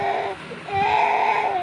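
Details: Young child, scolded for slapping, cries in two wailing bursts with a high, tonal, strained voice.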